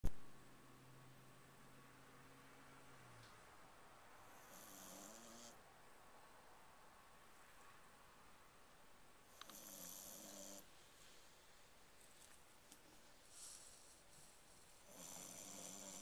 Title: Tank the French Bulldog Snoring